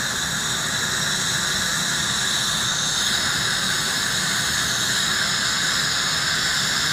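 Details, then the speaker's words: Acteon piezo-ultrasonic scaler used by a dental hygienist on a patient, with high-volume evacuation (HVE) suction capturing aerosol and water: steady high-pitched hiss and rushing air throughout. "You can see just how the HVE is just suctioning all of the aerosol and water coming off of my tip."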